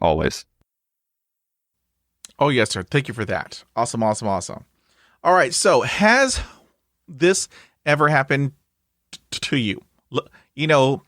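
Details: Stuttering in a 20-year-old man who has stuttered since about age two; he last had regular speech therapy at 13, with brief refreshers since, and practices at home. Repetitions of words and phrases are heard.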